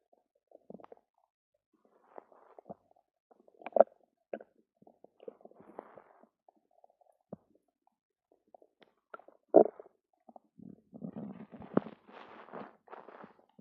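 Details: Stomach rumbling after drinking two cartons of yogurt: irregular gurgles, squeaks and rumbling bursts from the belly; active bowel sounds after eating.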